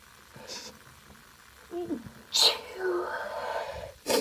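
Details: Woman's mostly stifled sneezes: soft in-breaths, then a sharp, hissing sneeze burst, and a second sneeze beginning.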